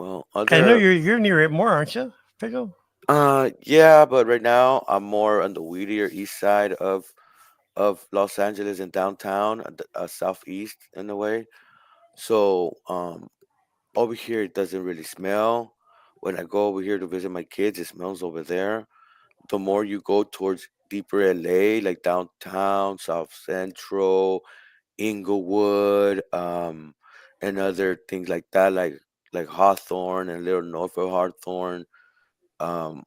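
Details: Adult man; Normal voice.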